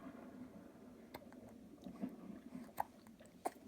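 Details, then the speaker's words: A 3-month-old infant's brief, sharp clicking hiccups, a few within a few seconds, against quiet room noise. "have you got hiccups mommy or they gone now no they haven't gone we've both got the hiccups they're annoying aren't they dear"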